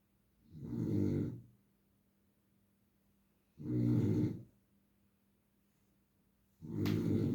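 Slow, regular low rattling snores, about 20 a minute, with quiet pauses between breaths.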